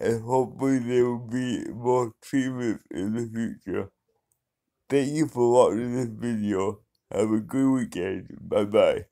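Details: Mild dysarthria in an adult man who has had cerebral palsy for 35 years.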